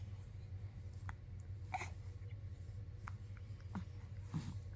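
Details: Young girl with hiccups on waking in the morning: about five soft, abrupt hiccups at short intervals, with steady low room hum behind them.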